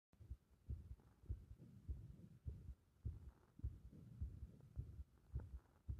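Muffled low heart thumps at about 100 a minute with an uneven rhythm, fitting an arrhythmia.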